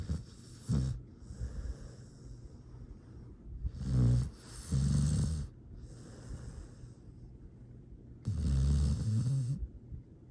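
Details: Sleeping dog snoring: low rumbling snores with soft snorts, irregular breaths; ordinary harmless sleep snoring.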